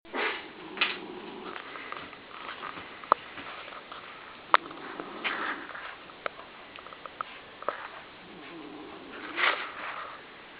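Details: 17-year-old smooth-haired black and tan Dachshund, 12-13 pounds, sleeping and snoring in his bed; snoring.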